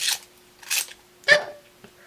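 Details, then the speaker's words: Hiccup from someone who often gets them, while speaking: two soft breathy puffs, then one abrupt, jerky intake with a brief squeak. "that sound was a hiccup just ignore it I get them a lot"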